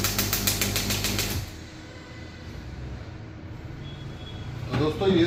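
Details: Demo of a new-model 3rd-gen ballistic-pressure shockwave therapy machine with a second handpiece attached, pressure (bar) lowered: rapid, regular mechanical tapping pulses for over a second, then quiet hum and brief voice.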